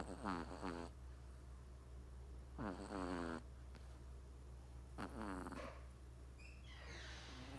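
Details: Three-month-old Persian kitten snoring in sleep: short, buzzing, rattly breath sounds recurring every couple of seconds over steady room hum.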